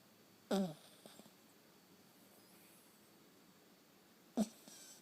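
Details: Dog asleep in the owner's arms: two brief nasal snorts about four seconds apart with quiet breathing between, in a still room; snoring.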